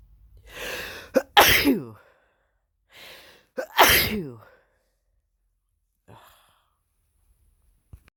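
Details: Deliberately induced, exaggerated sneezes from a bored person: two loud, drawn-out sneezes, each with a sharp in-breath first, followed by faint sniffing.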